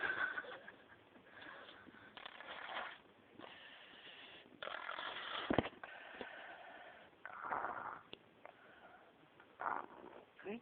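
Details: Tired child asleep in a car, snoring like a grown man: repeated rough, noisy breaths with snorting bursts over faint car noise.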